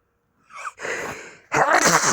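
A quick sharp intake of breath followed by a loud, explosive burst of air through the nose and mouth: a sneeze.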